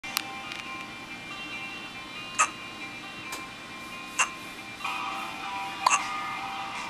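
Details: A baby boy's first hiccups since birth: four brief, sharp hiccup sounds about two seconds apart, over steady Beatles music and room noise.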